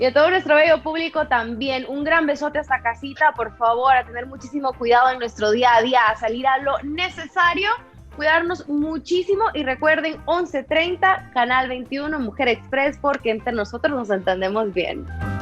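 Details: Adult female speaker; normal speech.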